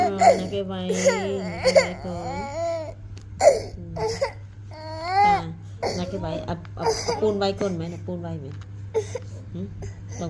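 A baby crying in repeated wailing bursts with sobbing breaths, adult voices and a steady hum in the background.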